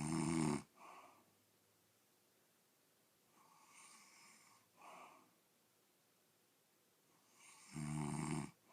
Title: Day 2 of snoring